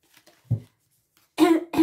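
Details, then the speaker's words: An adult woman with a sore throat and slightly hoarse voice gives a short, low cough followed by a voiced throat-clearing sound. "mal à la gorge, les amis, je suis désolée. Peut-être que vous allez ressentir que j'ai la voix un peu cassée. Je toussote un peu."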